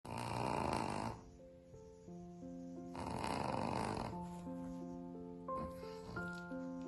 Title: The dog snores funny 🙈 #shorts